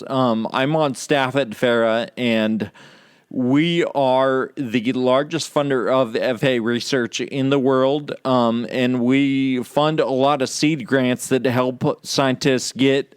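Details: Real male patient with Friedreich's ataxia, a condition causing loss of muscle control and balance and slurred speech; ataxic dysarthria (Friedreich's ataxia).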